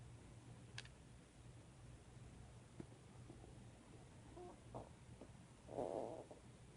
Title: my stomach is making noises